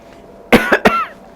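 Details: Adult demonstrating safe cough etiquette: a short deliberate cough of about three quick bursts, muffled into the armpit with left arm raised and head bowed; voluntary cough.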